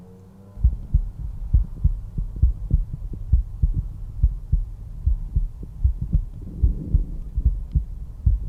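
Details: Normal heart sounds, lub-dub, at the mitral area, fifth intercostal space midclavicular line, heard with the stethoscope bell for low-frequency sounds.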